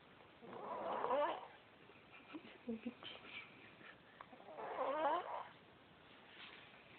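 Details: A woman snoring during sleep: two rough, rattling breaths about four seconds apart over quiet room noise.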